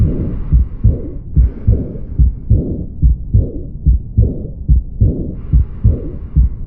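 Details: Aortic regurgitation murmur: regular heartbeat about 72 a minute with a soft blowing sound after each second heart sound.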